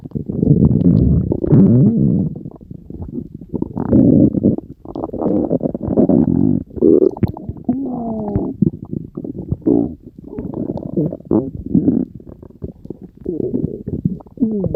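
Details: Stomach growling (borborygmi): loud, continuous gurgling and rumbling from the belly with bubbly, squeaky runs as gas and fluid move through the gut.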